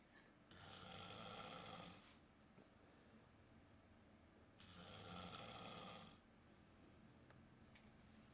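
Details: Snoring labelled "Big Bear in a cave": two long, harsh snores about four seconds apart, with quiet pauses between them; ordinary snoring.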